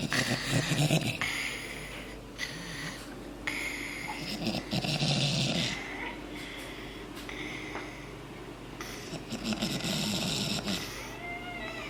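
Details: Father and very sick daughter asleep together on a couch: loud, rough, rattling breaths with snorting noises overlapping in repeated waves, heavy snoring from two sleepers.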